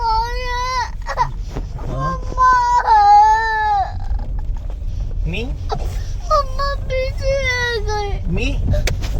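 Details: Young child crying at kindergarten, apparently wanting mama, in repeated tearful wails and sobbing breaths, with an adult voice and room noise in the background; child crying.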